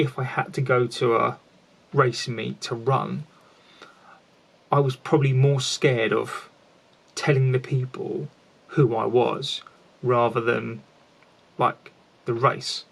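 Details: An adult man who has a stammer, speaking about his own experience; finding: stuttering.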